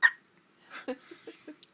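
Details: Hiccups in a little boy: a sharp hiccup followed by a few soft, quick voiced catches.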